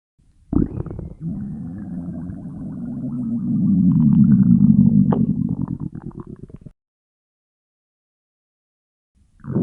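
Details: Long, low gurgling rumble swelling and fading over about six seconds: stomach growling (borborygmi).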